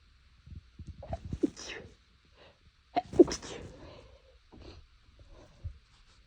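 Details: Two muffled, held-back sneezes with short catching breaths before them, deliberately stifled to stay quiet; the nose was itchy, which the person suspects is due to temperature changes.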